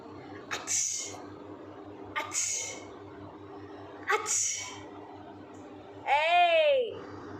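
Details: Baby acting out sneezes, not real: three quick, sharp sneeze-like bursts, followed by a short voiced cry.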